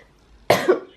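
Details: Cough in a sick girl with a viral illness, resting in bed with medicines: a single abrupt cough with a brief tail in a quiet room.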